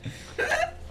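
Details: Adult woman with strong, loud hiccups: a single short, voiced hiccup with a sharp catch at onset.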